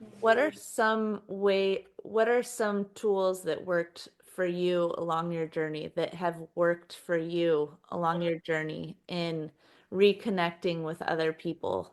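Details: Adult woman speaking; Typical speech.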